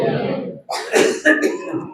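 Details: A few short, harsh throat-clearing coughs from an adult preacher in the middle of a Gujarati sermon, after a stretch of low room sound; an isolated ordinary cough.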